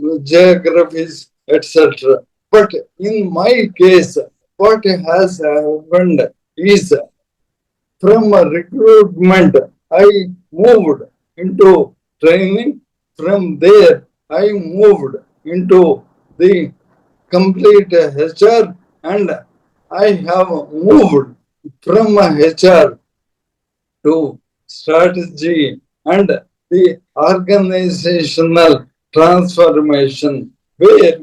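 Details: Adult man, a corporate strategist of 30+ years, with Parkinson's from 2022, diagnosed late, later ALS (motor neuron disease); mobility and speech very severely affected; slow speech with long pauses; dysarthria (motor neuron disease).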